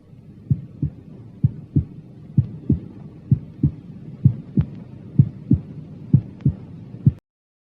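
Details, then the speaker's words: Normal heart sounds at the apex: steady lub-dub about 64/min, first sound louder at apex, no added sounds. "прослушайте нормальные тоны в стандартных точках аускультации сердца на верхушке"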